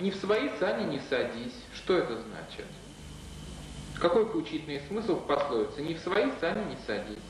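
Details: Adult male interviewer; Normal speech.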